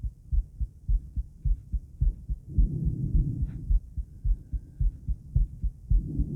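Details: Woman's own normal heart sounds, from a recording of her heartbeat and blood pressure before and after 50 squats, including recovery.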